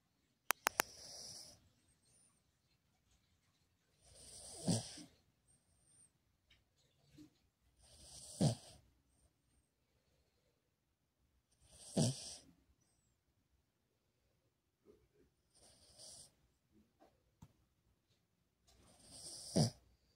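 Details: A Cavalier King Charles Spaniel snoring during a nap: slow snores, roughly eight a minute, each with a short snorting rattle, in a quiet room.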